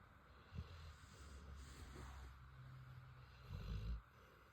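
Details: Female Rottweiler snoring while asleep: a quiet, low rumbling snore with a louder snort near the end, under steady background hiss.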